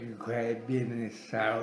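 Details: Patient with a cerebellar lesion saying the days of the week on examiner request; scanning speech, ataxic dysarthria with difficulty pronouncing words.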